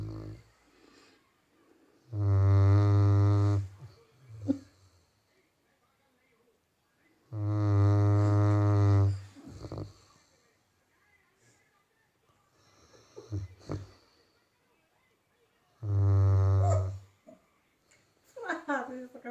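Loud, deep rumbling snores on each breath in, about three over twenty seconds, with quiet snuffles between; snoring in sleep.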